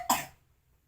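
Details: One brief, sharp cough from a young girl ill with fever and cough, before taking cough medicine; cough.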